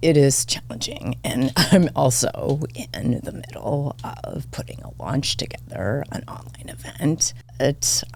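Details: Adult woman diagnosed this year with spasmodic dysphonia; vocal cord spasms make her voice cut in and out, sometimes hoarse; she attributes it partly to voice overuse as a podcast host and to stress; seemingly occurring during interview; spasmodic dysphonia.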